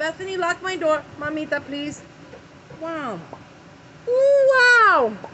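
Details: Adult woman having an early-morning tic attack, before taking medication to help, with repeated 'wow' tics heard; her tics can also contract her whole body; vocal tics.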